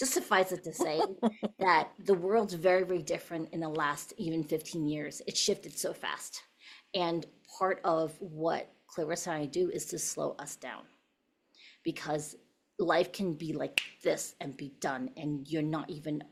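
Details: Adult woman speaking; ordinary speech.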